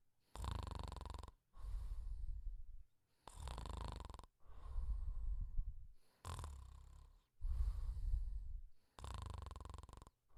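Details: Simulated cartoon snoring (Pink Panther snoring quietly): regular low rumbling snores alternating with airy out-breaths, about 10 cycles a minute; an imitation of snoring.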